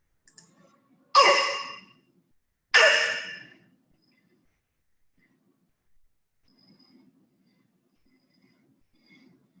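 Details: Paediatric laryngitis: two harsh, hoarse barking coughs, then quiet breathing with faint noisy inspiration; a croup cough with mild inspiratory stridor.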